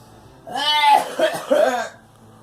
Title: Girl coughing